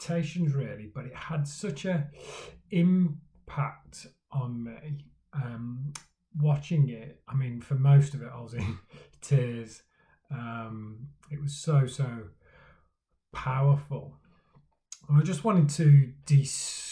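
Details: Adult man who stammers, speaking for Stammering Awareness Day; stuttering.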